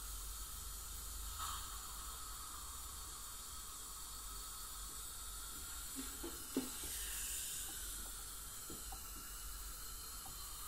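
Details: Professional teeth cleaning by a dental hygienist on a patient with heavy plaque and tartar, possibly scaling for gingival inflammation or full mouth debridement; continuous spray and suction hiss, faint high whine, brief scraping clicks; ultrasonic scaling.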